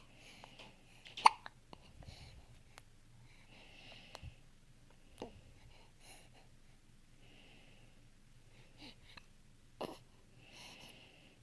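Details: 1-day-old newborn baby's first hiccups: soft, sharp, irregularly spaced catches, about six in eleven seconds, in a quiet room.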